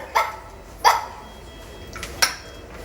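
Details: Barking-like vocalisation from laryngeal spasm/dystonia in a boy with rabies after a dog bite, with orolingual dyskinesia and unresponsive to commands; he died 48 hours later.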